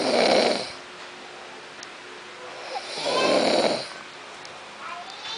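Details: Snoring during sleep: two loud, rasping snores about three seconds apart with quieter breathing between, roughly 20 breaths a minute.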